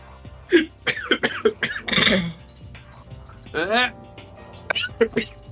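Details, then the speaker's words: Coughing fit of short harsh bursts with a strained voiced sound partway through, mixed with hiccups, over quiet background music during a live stream. "There's also hiccups in that if you didn't hear them. I thought you were like throwing up. No. As my body is violently spasming. When I heard the hiccup mixed with the cough."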